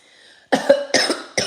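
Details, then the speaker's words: Adult woman, a mother, sick with lights off; brief pause then three quick harsh coughs in a row. "I'm here to annoy you guys cuz I'm feeling cuz I'm sick and I sound like this."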